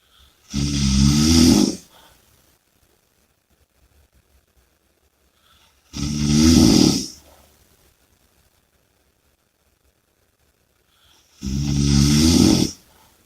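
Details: Loud, rattling snores on each breath in, about 11 a minute, with quiet breathing out between them; snoring.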